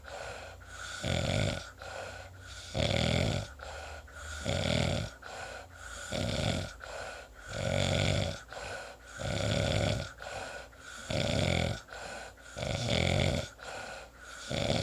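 Steady loud snores on each breath in, about 18 breaths a minute, with softer breathing out between; ordinary snoring.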